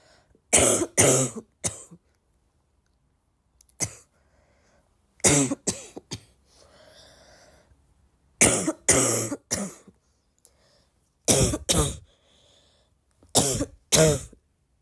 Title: the more I cough, the more I feel like coughing